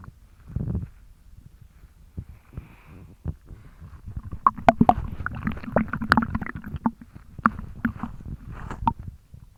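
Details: Belly jiggled after drinking almost a litre of milk in one go: wet sloshing and gurgling from a liquid-filled stomach: stomach sloshing and gurgling.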